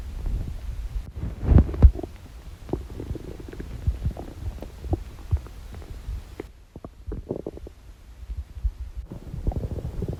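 Irregular low gurgles, churning and rumbles from the belly: ordinary bowel sounds of gas and fluid moving through the intestines.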